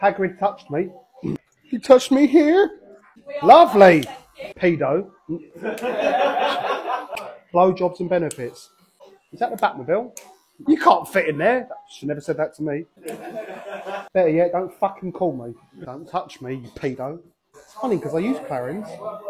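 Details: Adult male barber with Tourette syndrome, with involuntary vocal tics including obscene words mixed into conversation; Tourette syndrome vocal tics (coprolalia).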